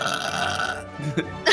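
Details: A short voiced belch with a tonal, drawn-out quality against faint background music; a burp.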